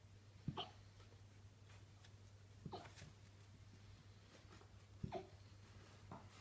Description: Here's our little alaskan malamute puppy - she ate dinner and started hiccuping - I thought it was cute.